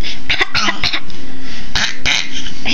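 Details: Coughing after someone asks the subject to cough: cough.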